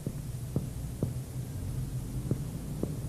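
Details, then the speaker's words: Five sharp percussion taps over the right anterior chest in a clinical-semiology teaching demonstration: resonance gives way to frank dullness at the upper liver border, the first step in mapping liver span (normally 10–11 cm). A normal finding. "lo primero que debe hacerse como ya lo hemos visto el aparato respiratorio es percutir el límite superior del hígado entonces si uno por que percute fíjense acá y sonoridad"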